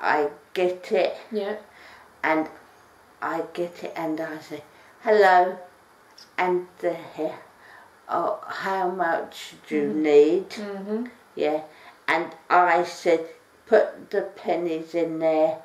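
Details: Person with aphasia who has practised speech in the EVA Park virtual world; aphasia.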